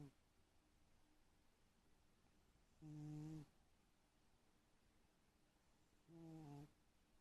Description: My cat, sacked out and snoring...